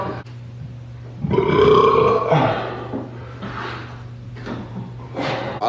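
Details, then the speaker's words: Burping from a compilation: a long, loud, rumbling belch lasting over a second, then softer gurgling belches over low room hum. "Oh, I thought I had a burp."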